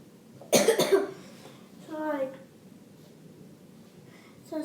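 A short burst of three quick coughs from a child, then a brief voiced sound, with faint room noise behind.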